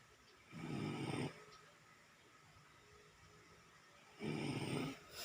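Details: Two rough, low, rattling noises on breathing in, several seconds apart, over quiet room noise from a sleeping, drooling baby; snoring.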